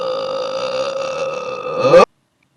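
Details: A cartoon character's single long, tonal, voiced belch of about two seconds, played in reverse, ending abruptly; burping.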